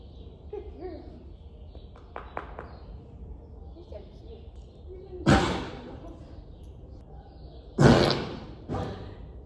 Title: Her fart cough was soo loud 😆🤣🤣